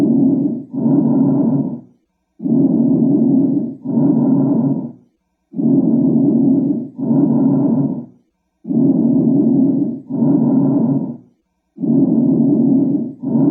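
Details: Bronchial breath sounds at about 19 breaths a minute: loud, harsh, hollow breaths with expiration longer than inspiration and a short gap between them. Normal over the trachea; abnormal in peripheral lung fields, as in consolidation.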